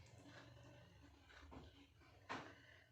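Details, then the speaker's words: Normal bowel sounds heard with the stethoscope diaphragm placed gently on the abdomen before percussion or palpation: soft low gurgles with a brief louder click-gurgle burst, normally 5 to 34 per minute. "sound consists of clicks and gurgles occurring at an estimated frequency of 5 to 34 per minute"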